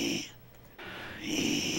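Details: Hoarse, breathy voice in a patient whose larynx shows clear interarytenoid pachydermia and vocal cord polyps (later treated); hoarseness had been attributed to reflux; air leak possibly from pachydermia keeping cords apart or from the polyps.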